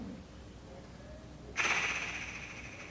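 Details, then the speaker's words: After a full breath hold, a sudden forceful fluttering blow through a Shaker oscillating PEP device in the elimination phase of an airway clearance consultation, done two or three times and possibly triggering a cough to mobilise secretions. "but this is the elimination phase and I only want two or three of these please all the way hold your breath"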